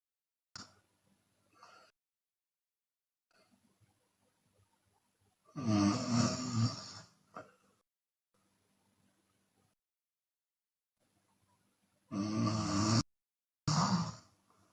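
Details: Open-mouth snoring in a sleeping Chinese woman: irregular loud rattling snores separated by quiet gaps, with occasional breathy exhalations.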